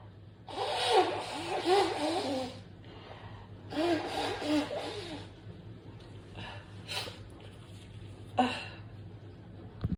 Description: Sneezing, nose blowing, a Little Bit coughing